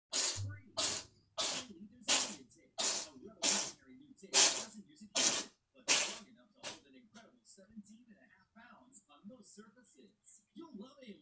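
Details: Cleo: a run of about ten sharp, hissy sneezes in quick succession, then a quiet voice: repeated sneezing.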